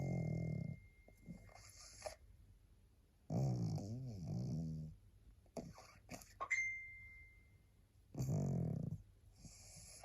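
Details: Tired pug, so sleepy she can hardly hold her head up, gives noisy, rattling snores in slow cycles with snorting breaths between them; flat-faced dog snoring.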